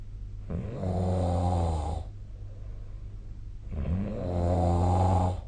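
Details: Snoring during sleep, recorded with the SnoreLab snoring app: two loud, low, rattling snores on in-breaths, separated by quiet out-breaths.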